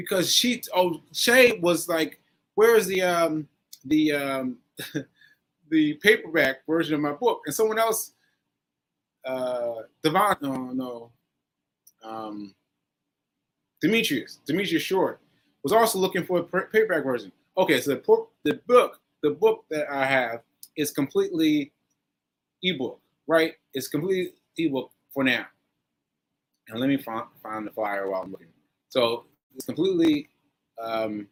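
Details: Aphasia with word-finding difficulty in a man recovering from a stroke on 7/14/22, recorded 7/4/23; he says his aphasia makes things harder for him.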